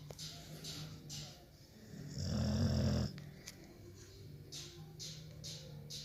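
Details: Pitbull/American Staffordshire Terrier dog snoring while sleeping: low rumbling breaths with soft hissing intakes and one louder, longer snorting rumble in a quiet room.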